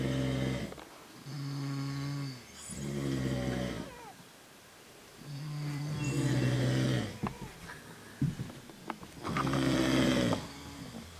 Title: Snoring in Keene Valley